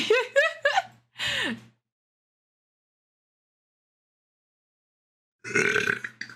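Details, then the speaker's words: Mexican young woman who says she has just eaten and has been drinking water: several loud, voiced belches in quick succession, then a pause and another long belch; loud burping. "¡Diablos, señorita! ¡Ya hasta perdí la cuenta!"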